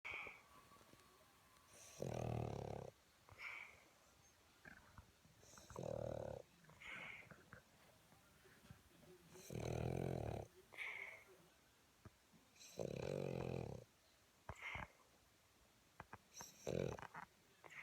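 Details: Boston dog snoring: loud, deep, rattling snores alternating with short whistling breaths out, about 17 breaths a minute; typical snoring of a flat-faced dog.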